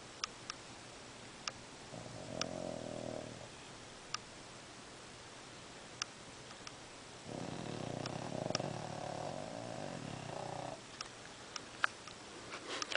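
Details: Sleeping dog snoring: low rattling snores on two long breaths, with faint clicks and room noise between.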